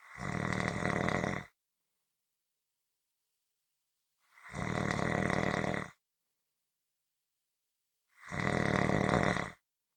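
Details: Three loud, even, rattling snores about four seconds apart, with complete silence between them; snoring.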